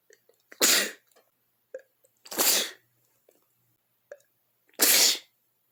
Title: cold sneezing (#2)